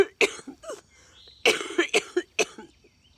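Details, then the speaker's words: Woman with cystic fibrosis on IV treatment: several short, harsh coughs in two bursts, amid two and a half weeks of intense nightly coughing fits around 1:45–2:15 a.m. that end in vomiting; cystic fibrosis cough. "I will just randomly go into a really intense coffin bit until I just like throw everything up and it happens every single night within that 30 minute window and I have no frickin clue why like it doesn't make sense to me"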